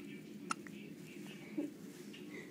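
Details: Two brief, soft, squeaky hiccups from a baby over quiet room noise; infant hiccups.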